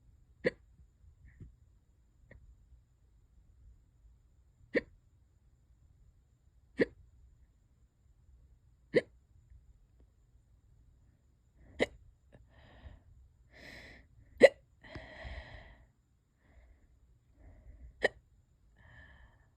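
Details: Person with hiccups lasting hours and getting worse: repeated abrupt hiccup clicks, about seven in twenty seconds, with some breathy noise between; persistent hiccups.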